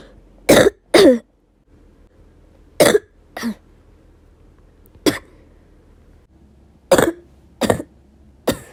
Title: still me coughing